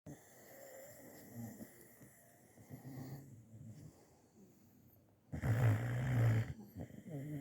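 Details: Low, rough snoring with quieter noisy breaths, then one loud, long, rumbling snore near the end, from a sleeping dog; snoring.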